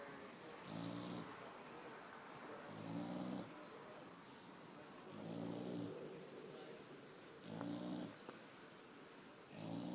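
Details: Pregnant boxer halfway through pregnancy, sleeping on a hot summer day: low, buzzing snores, about five in ten seconds, with quieter breaths between; snoring.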